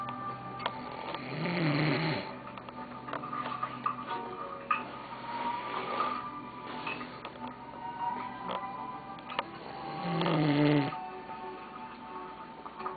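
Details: Sleeping man snoring: two slow, rough snoring breaths, about one every eight seconds, over background music; ordinary snoring during sleep.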